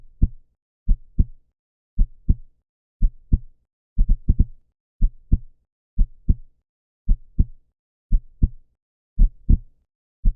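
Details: Human heartbeat sound effect (stated 125 beats per minute; heard about 57 a minute): steady, paired low lub-dub thumps with no extra sounds between beats; normal heart sounds.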